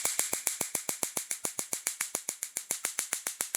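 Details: Rapid, evenly spaced sharp clicks, several per second: picosecond laser handpiece firing, 755 handle, energy and frequency set by user (max frequency 10), demonstrated on machine; pigment removal laser pulses.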